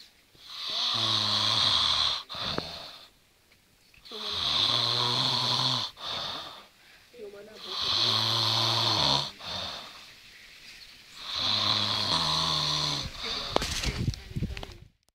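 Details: Loud, rhythmic rattling snores on each in-breath, about 15 a minute, with quieter out-breaths, from a person caught sleeping in a car.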